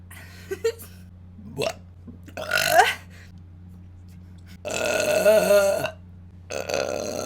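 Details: Girl or young woman burping: several loud, drawn-out voiced belches of varying length, separated by brief pauses, over a low steady hum; repeated eructation.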